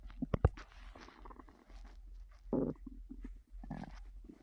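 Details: Loud gurgling and rumbling from the stomach in bursts over a low steady background hum: loud borborygmi.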